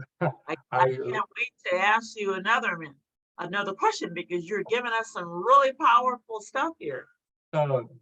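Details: Adult who stutters; stuttering.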